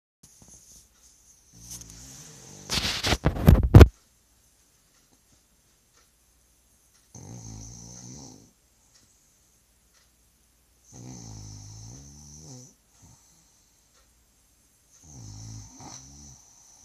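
Soft rattling snores about every four seconds in a quiet room, after a brief loud rustle at the start: snoring.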